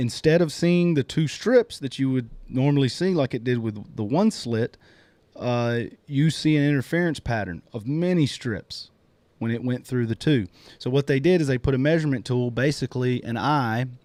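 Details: Adult man speaking; normal speech.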